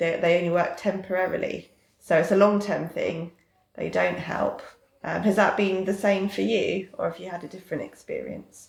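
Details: Adult woman speaking; typical fluent speech.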